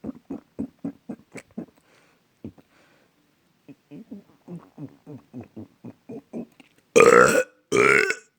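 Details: A run of short throaty pulses, then two long, loud burps; burping.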